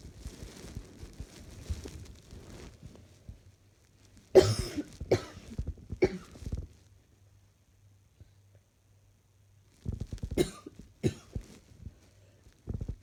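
Two clusters of loud, harsh coughs, about six in all, separated by quiet stretches with faint room hum.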